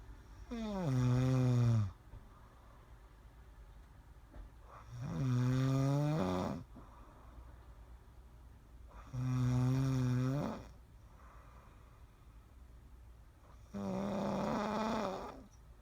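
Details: Snoring: loud, steady, vibrating snores on each breath, about 14 breaths a minute, with quiet pauses between.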